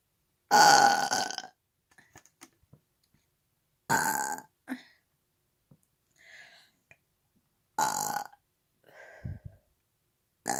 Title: Big burps 2